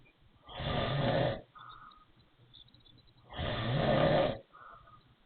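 Two loud, rough inspiratory snores, each followed by a brief soft whistling sound on breathing out: wheezy snoring.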